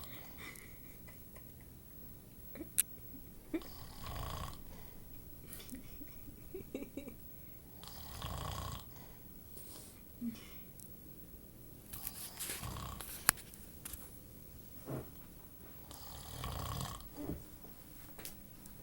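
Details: Light snoring during sleep: quiet, irregular snoring breaths every few seconds with occasional soft snorts and small clicks.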